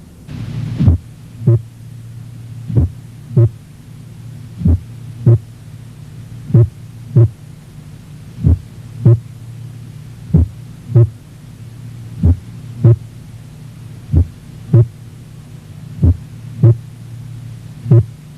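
Very slow, regular heartbeat, about 32 a minute, with a first sound that changes in loudness, over a steady hum: complete heart block.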